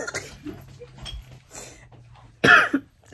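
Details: Single loud, harsh cough from an adult woman with sinus issues and a hoarse voice, not feeling well, after quiet room noise, with a brief trailing burst.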